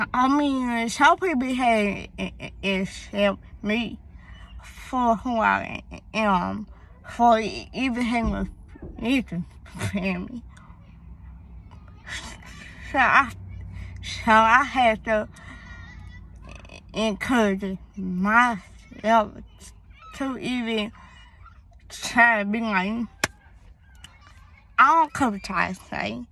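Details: Young woman, born premature, with a speech impediment that began around third grade along with hearing loss (deafness), cause not found by doctors, treated with speech therapy at school; speech impediment.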